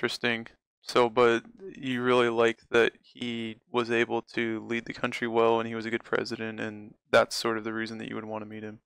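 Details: Adult male speaker; no speech disorder.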